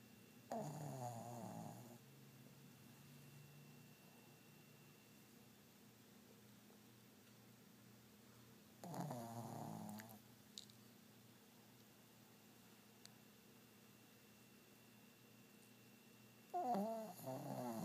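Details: Sleeping pet dog: soft snoring, a short rattling breath about every eight seconds over a quiet room hum; snoring.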